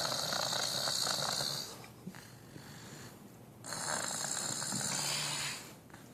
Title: Me snoring soothingly